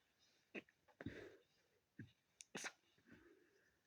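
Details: Person with a head cold: a few short, sharp sneezing bursts of air and nasal nose-blowing noises.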